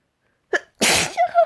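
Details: Short in-breath then loud explosive sneeze with brief trailing voiced sound; one of repeated sneezes after working with wood and dust.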